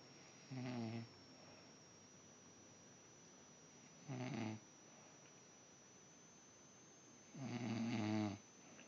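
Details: An adult woman (mom) snoring during sleep: three low, rattling snores at irregular intervals, about 17 a minute, over a steady background hiss; ordinary snoring.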